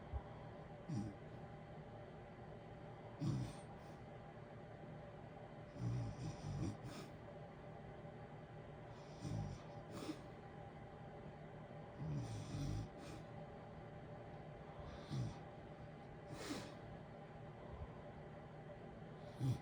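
Soft, low snorting snores repeat every few seconds over a steady heater hiss: snoring during sleep.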